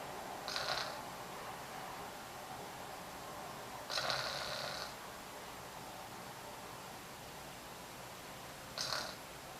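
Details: A sleeper makes three noisy, rasping snores about four seconds apart over steady room hiss: loud snoring during sleep.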